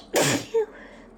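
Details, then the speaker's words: Person with hay fever trying not to sneeze and failing: one explosive sneeze burst, then a short voiced sound. "I still have to sneeze. Believe it or not, this is me trying not to sneeze."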